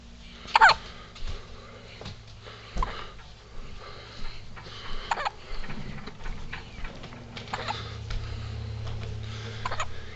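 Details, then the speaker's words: Boy with a pretty bad case of hiccups, his whole body shaking with each one; sharp, brief catching sounds repeating every second or two in a quiet room. "oh I think he's tired but the hiccups are preventing any rash right now"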